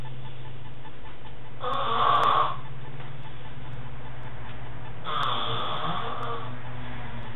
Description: Snoring man woken with an syringe of water dropped into his mouth.